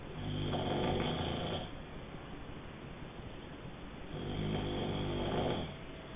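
Two long, rumbling snores on breathing in, with quiet breathing out between them.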